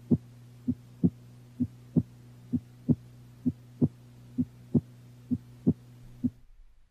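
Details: Normal second heart sound (S2).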